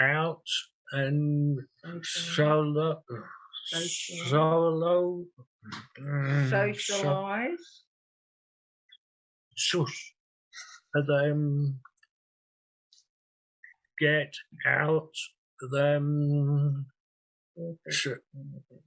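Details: Non-fluent aphasia in a real 67-year-old man after two large strokes, 18.5 and 6 years earlier; he uses a communication board.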